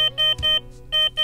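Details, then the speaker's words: SPIRIT diaphragm pacing transmitter alarm when an antenna is disconnected while its side is still on: repeating high-pitched electronic beeps in short bursts, with LED, antenna icon and alarm icon flashing. "if an antenna is disconnected from the transmitter while the corresponding side is still turned on the speaker will beep the led indicator flashes the corresponding antenna icon flashes and the alarm icon turns on"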